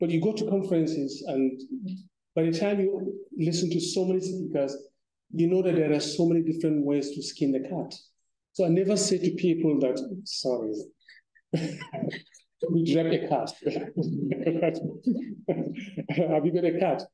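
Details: Adult male speaker; plain speech.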